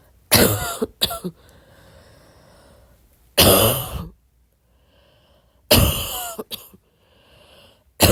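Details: Coughing at midnight: three separate episodes of short, harsh coughs, some in quick pairs, with quiet breathing between them in a quiet room.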